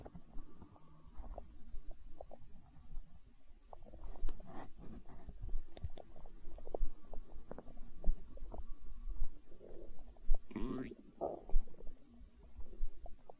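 Low, irregular gurgling and rumbling with occasional squeaky rises; ordinary stomach growling from gut movement, a normal hunger sound.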